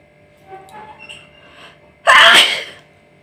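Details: Person doing a nose sneezing challenge: soft breathy build-up followed by one loud, explosive sneeze burst.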